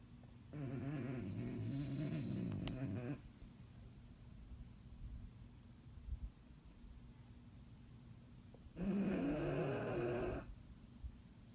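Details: Bulldog snoring while asleep after a long day: two drawn-out, raspy, fluttering snores several seconds apart with quiet breathing between.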